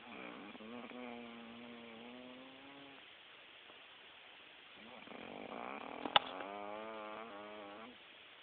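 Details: Chick snoring: two long, buzzing, tonal breathing sounds several seconds apart, with a brief sharp click.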